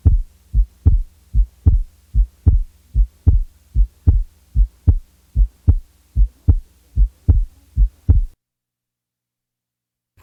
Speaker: the following example represents a normal individual with normal respiratory variation or physiological splitting of the second sound